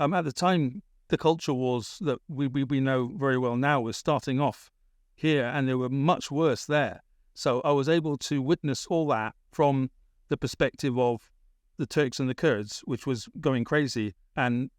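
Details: Adult British man with a persistent stammer, worst around age 28-29, treated with speech therapy in Britain, still stammering now in adulthood; stammering.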